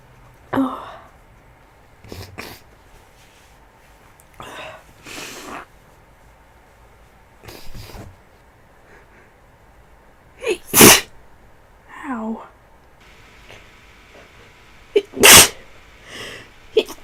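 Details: Feverish person, unwell and getting worse, with a tickly nose: repeated sneezes, each a sharp explosive burst, some with a catching breath beforehand, in a quiet small room.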